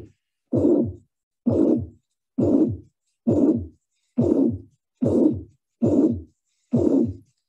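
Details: Teaching recording at the apical region: regular heart cycles about 66 a minute, each filled by a long harsh blowing murmur, S1 and S2 barely distinguishable; pansystolic murmur of mitral regurgitation.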